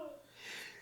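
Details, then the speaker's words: Adult with an ailing voice announces a sneeze, then a soft, muffled single sneeze: a brief catch of breath, then a hissing burst of air. "Oh, like I said, I'm sorry about my voice, y'all. I'm going to sneeze right now."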